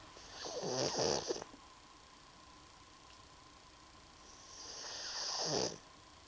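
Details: Snoring in a sleeping, overweight female pug, a flat-faced dog: two loud, rattling snores on in-breaths about four seconds apart, with quiet pauses between.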